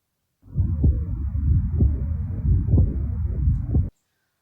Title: Жүрек аускультациясы.Аускультация сердца